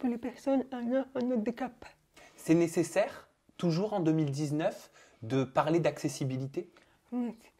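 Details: Adult speaker (interviewer); Typical speech.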